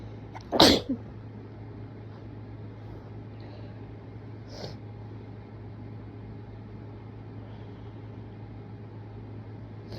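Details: Person sneezing while sick: one loud sharp sneeze, then a small second burst and a faint later one, over a steady low room hum.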